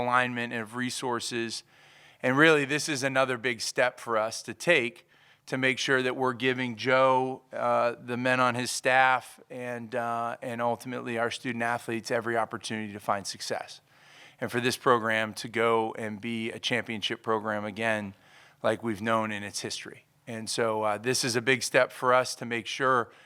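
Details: Adult male speaker; normal voice.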